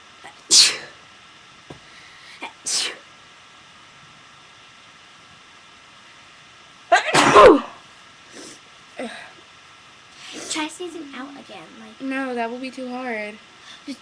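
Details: Three sharp sneezes with brief voiced sounds and quiet talk afterward; sneezing recorded on purpose for a sneezing video; sneeze.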